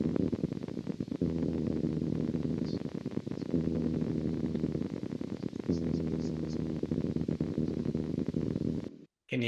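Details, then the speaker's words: Needle EMG of the genioglossus (tongue) in a patient with unilateral tongue weakness and voice loss: steady crackling buzz with irregular, grouped spontaneous discharges, possibly atypical myokymia. "so um they look like they're prejunctional oriented potentials because they're somewhat irregular but the"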